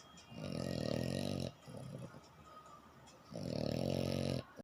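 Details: Snoring French Bulldog, a flat-faced dog: loud, harsh, rattling snores about a second each, with snuffly breathing between them.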